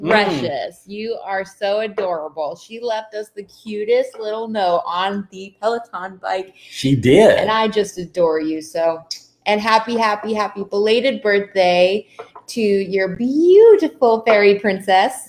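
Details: Adult woman; normal speech.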